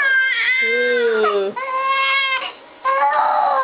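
Sustained, high-pitched tonal wails from a baby with brief catches for breath; ordinary infant crying.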